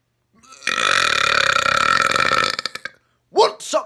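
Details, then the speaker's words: Voluntary big burps on camera, with talk of much air trapped inside: one long, loud, rattling burp of about two seconds, then a brief vocal sound; burping. "just a small one there's a lot trapped inside me now so i should get some more big ones let's get going"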